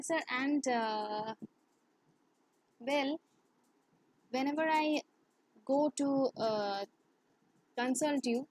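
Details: Woman who has stammered since childhood, worse in English and with high-authority persons, heard in English conversation; stuttering.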